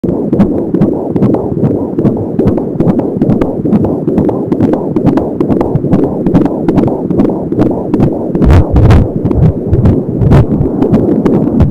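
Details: Fetal heartbeat at 21 weeks of pregnancy on an Angel Sound home Doppler: rapid whooshing at about 170 beats per minute, with swishing umbilical cord sounds.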